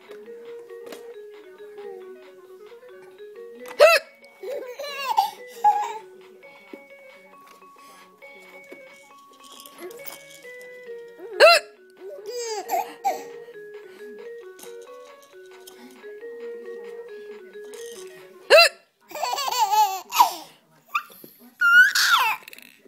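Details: Adult with three sharp hiccups about seven seconds apart, each followed by a young child's giggling, over soft music: hiccups.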